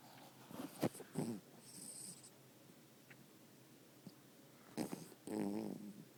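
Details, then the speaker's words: Sleeping, tired pet dog snoring: two rough, fluttering snorts about five seconds apart against quiet room noise. "This shit is crazy. My dog snores."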